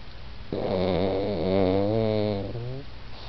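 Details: Pug snoring asleep on a couch: one drawn-out, buzzing, whistly breath through the nose and throat, typical of a flat-faced dog snoring.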